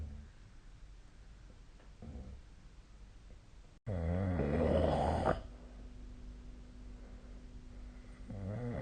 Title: 🐽 本日のイビキ / Snoring Sleep Sound 2025/04/13